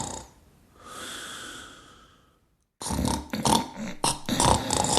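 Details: Acted comedy skit of a wife snoring loudly for 10 nights in a row: a drawn-out breathy inhale, then loud rattling snorts; cartoon-style simulated snoring sound effect.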